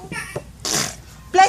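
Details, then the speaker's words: A single sneeze on request: a brief voiced intake, then a sharp hissing burst and a short voiced sound after it, amid repeated "bless you" responses. "Let me see you sneeze. Wait, back up, guys. Bless you. sneeze. Bless you. God bless you."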